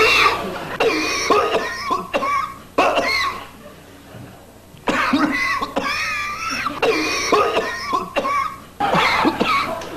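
Repeated strong coughs in quick runs, with brief pauses between bouts; continuous coughing.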